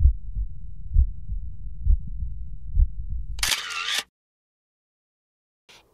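Regular low thumping heartbeat at about 65 a minute, then a brief handling noise; normal heart sounds on auscultation.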